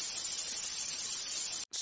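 Steady high-pitched hissing buzz, a simulated example of buzzing tinnitus.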